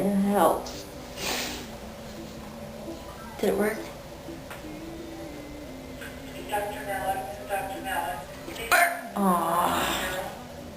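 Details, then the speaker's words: Sudden voiced gulps break in every few seconds among talk and faint music, each with a rising catch: repeated hiccups. "I think I've suffered Enough hiccups for One Day"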